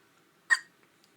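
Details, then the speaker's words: Newborn boy a couple of days old, in hospital: a single sharp, abrupt, loud hiccup, a brief catch of breath; newborn hiccups. "poor little boy po baby they're so loud feels like they hurt"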